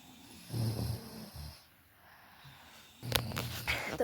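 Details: Sleeping children snoring at night: low, rough rumbling snores in short bursts, then a louder, noisier stretch with background sound and laughter; snoring.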